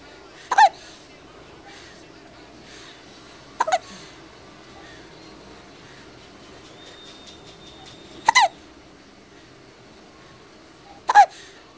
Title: hiccups at 3 weeks, feb 2010